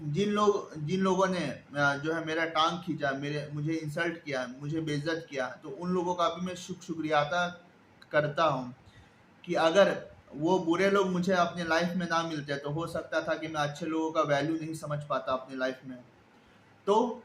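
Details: Stuttering in an adult man speaking Hindi who has stammered since about age five, with hard blocks and repetitions that became severe around standard six.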